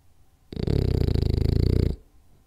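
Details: French Bulldog snoring during a 10-minute power nap: a loud, low, rattling snore of about a second and a half, with a fast flutter from vibrating soft tissue in the airway.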